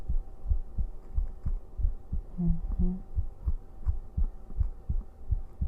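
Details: Normal heart sounds of a male streamer, steady low double thumps about 85 per minute over faint hum, nothing extra, heart sounds for listeners falling asleep.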